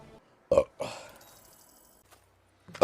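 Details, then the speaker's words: Gassy streamer during a live stream: two short, throaty burps in quick succession in a quiet room, then silence; ordinary belching. "oh [ __ ] bob I'm not burping I'm [ __ ] deflating slowly"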